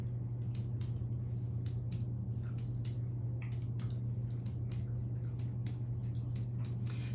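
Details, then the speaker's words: Adult male patient lying flat during abdominal assessment; systematic clockwise percussion over the abdomen gives repeated hollow, drum-like notes with tympany throughout and no dullness (no sign of fluid, enlarged organs, masses or full bladder): normal abdominal tympany. "had timpani all through his abdomen if he had any kind of dullness uh it would kind of indicate uh fluid uh enlarged organs masses full bladder"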